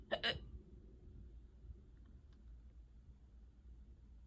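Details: Ongoing prolonged hiccup bout, unusually severe for this person: two sharp, brief voiced catches close together, then quiet room noise; hiccups.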